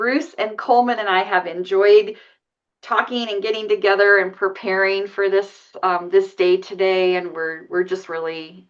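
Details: Adult woman; typical speech.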